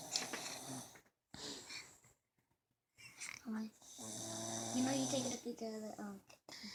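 Buzzing, vibrating snore sounds mixed with people talking nearby.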